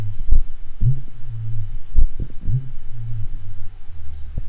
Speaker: next thing we'll listen to is a horse who has a diastolic murmur from aortic regurgitation and also has second degree of v block so as you listen to this recording you'll hear the normal rhythm and then you'll hear a particularly long pause with a very long phase for the diastolic murmur